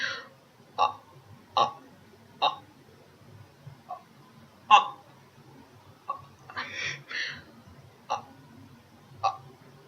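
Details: Vocal tic during speech in a speaker with Tourette syndrome.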